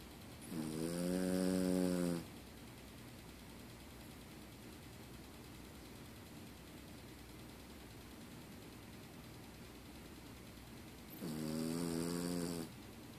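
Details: A sleeping Yorkie snoring: two long, rumbling snores separated by about nine seconds of quiet breathing.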